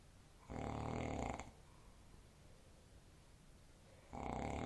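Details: Two loud, deep, rattling snores about three and a half seconds apart with quiet breathing between, from the recorder's father: heavy snoring.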